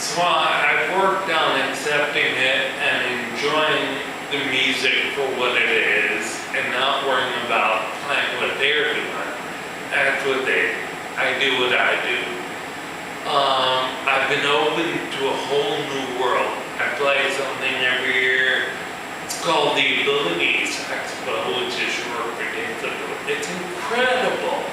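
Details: Male musician with ataxia, a progressive neurological disorder in which cerebellar cells die, affecting his balance and speech; real ataxic dysarthria.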